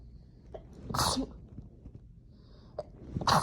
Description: Felt my nose itch a bit and decided to induce while laying in bed